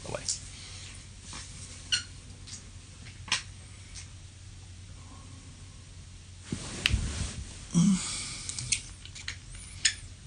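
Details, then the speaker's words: Sleep bruxism (teeth grinding) recorded overnight in bed: sharp clicks, clunking gnashing and rough grinding bursts over low room hum; some cracking is the bed creaking. "um do that sounds gnarly doesn't that sound absolutely insane like you're hearing like gnashing of teeth like clunking and you're hearing this this grinding"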